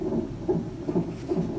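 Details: Fetal heart sounds heard with a handheld Doppler in a delivery room, with ultrasound gel, used at about 28 weeks or less, probe low on the abdomen in early pregnancy.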